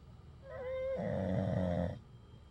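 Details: A single drawn-out snore: a brief whining tone giving way to a low, rattling rumble for about a second. Ordinary snoring.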